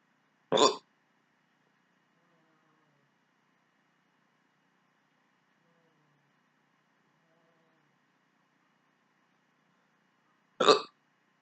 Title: My rarely hiccups